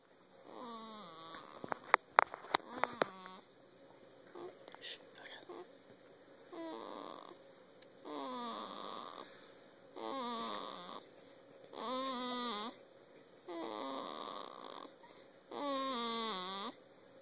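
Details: Newborn baby boy on his sixth day, sleeping on his dad's chest, with soft pitched snore-like noises on each breath at about 30 per minute; ordinary noisy newborn breathing and snoring.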